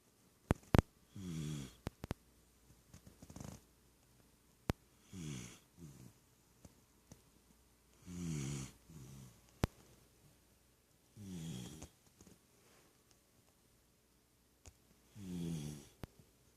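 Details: Steady snoring in sleep: regular low, fluttering snores about every 3.5 seconds, roughly 17 breaths a minute, with faint clicks between.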